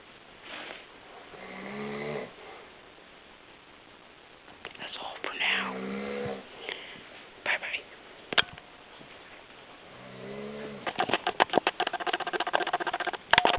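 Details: Father who snores a lot, recorded while asleep: three rough, buzzing snores on breathing in, several seconds apart, with rustling and clicks near the end; ordinary snoring.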